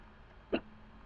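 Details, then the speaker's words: Single short, sharp gulping hiccup in a quiet room from a person with hiccups persisting all day, sick for about a week, reporting chest pain with hiccups. "Um, sorry I have the hiccups right now. It is so annoying."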